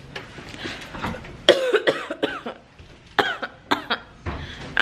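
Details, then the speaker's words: Several short, forced coughs in quick succession from an adult, deliberately faked as a prank; acted cough. "already coughing a storm cover your mouth you need to learn how to cover your mouth"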